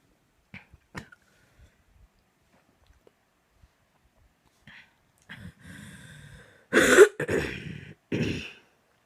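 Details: Nighttime coughing fit at 2am: quiet breaths and throat noises building to a few harsh, loud coughs near the end.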